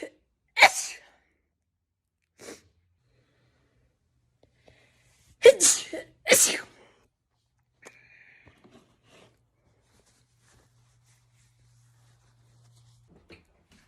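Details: Several sharp, explosive sneezes, including a quick pair, with faint breaths between, from a person in a compilation of rapid sneezes; ordinary sneezing.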